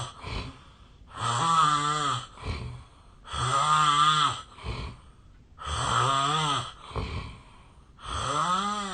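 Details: Loud snoring from the uploader's own sleep, in a real recording made 8 years earlier when thinner; the uploader suspects a long-standing sleep disorder.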